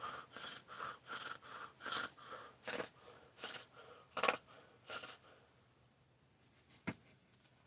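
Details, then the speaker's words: Cat purring in owner's lap with rhythmic, rough, snuffling bursts about 79 a minute, sounding like snoring; owner checked and says nose is not clogged; snore-like nasal purring. "Now he's purring. Wish you guys could hear it. He sounds like a fat kid snoring."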